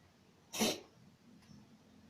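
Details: A cat with a deep cough that sometimes makes it vomit what it has eaten: a single short, harsh cough burst against quiet room noise; cough.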